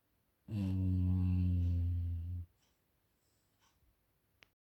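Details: Dog snoring loudly: one long, loud, deep droning snore lasting about two seconds, then quiet breathing.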